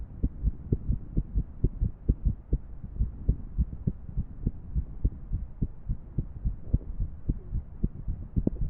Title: #142 アレな心音の3D心臓モデル動画 Female 3D Irregular Heart Model